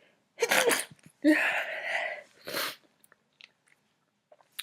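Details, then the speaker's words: Acted scene of a girl with a tickly, running nose trying to stay quiet: a sharp inward breath, then a muffled, held-back sneeze and a short breathy burst; stifled sneeze. "I can't keep stifling them. I can't keep stifling. It's too hard."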